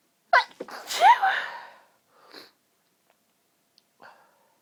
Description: pinched stifles with long build ups after having an incredibly tickly nose